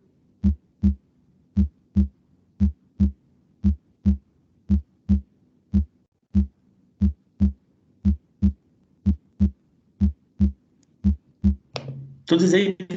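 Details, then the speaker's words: Normal heart sounds (S1 and S2) in a normal subject, played as a teaching example: steady paired lub-dub beats at about 57 a minute over a faint low hum, ending in a brief noise. "ese sería un sonido cardíaco en sujeto normal, ¿sale? El famoso lub-dub, ¿sale?"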